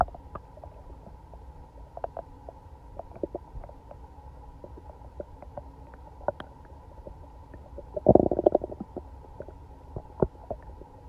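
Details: Day after eating Chinese food and being sick all night: frequent gurgling, bubbling abdominal sounds with a louder churning burst, like something swimming in the belly; active borborygmi.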